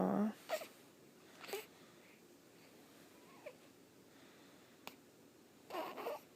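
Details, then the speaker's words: Hiccups in a person: several brief, sharp catches of breath at irregular intervals in a quiet room. "You got the hiccups? Somebody's got the hiccups. Somebody's got the hiccups."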